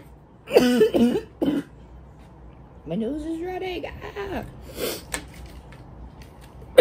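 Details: Adult feeling congested, possibly from allergies, coughing: several harsh, barking coughs with a wet, congested quality, then throat-clearing in a quiet room, a congested barking cough.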